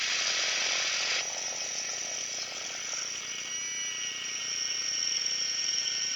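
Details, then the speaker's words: Surgical drill creating the tibial tunnel in left-knee ACL reconstruction with a quadrupled 8 mm hamstring graft: steady high-pitched whine that shifts in pitch as an 8 mm drill bores over a guide wire. "and now we're going to drill over that wire with an 8 millimeter drill okay you can hold this with your right hand okay and so now we're gonna drill"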